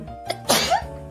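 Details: A single sharp sneeze during a livestream over music: a quick breath in, then a forceful burst of air with a voiced finish.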